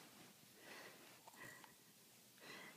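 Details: Soft, whistly, snuffling breaths in a quiet room from a sleeping small Cavalier King Charles Spaniel; light snoring.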